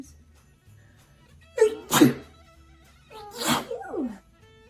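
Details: Two sneezes in a row, each a sharp burst after a quick breath in, quiet room behind; sneeze compilation.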